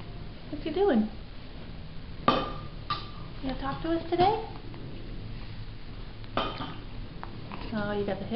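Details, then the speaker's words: Infant in a September 2007 home recording with hiccups: three brief, sharp click-like catches seconds apart, with soft adult voice sounds in a small room. "you got the hiccups."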